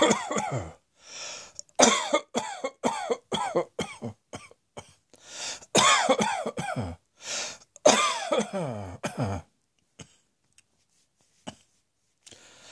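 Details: Long run of rapid, repeated coughing fits in quick succession, easing into a few isolated coughs near the end.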